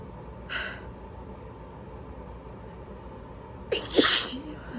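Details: Person with a cold, not allergies: two sneezes a few seconds apart, a short one then a loud forceful one with a sharp intake of breath before it, within a sneezing fit.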